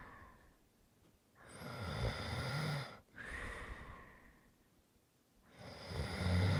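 Noisy, rough breathing in a sleeper, with a soft snoring rasp and a faint whistly edge on the breaths.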